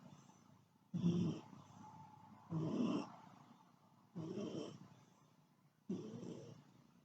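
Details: Snoring, recorded 9/28/2015: four loud, low, rattling snores about every one to two seconds, with quiet breathing between.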